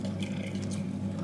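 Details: Resting pet cat, recently shed its winter coat, snoring: a steady, low rumbling sound; gentle snoring.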